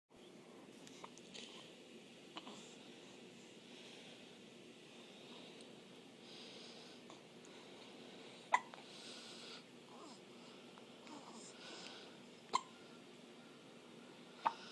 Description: My first post...she's so adorable, especially the loud hiccup.